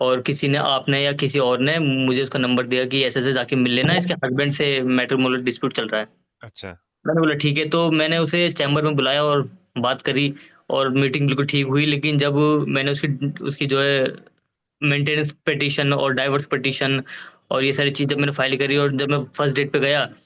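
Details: Adult male lawyer who stammers, teased about it as a child, with blocks and repetitions when speaking in front of people; he uses Indian Stammering Association techniques. Stuttering.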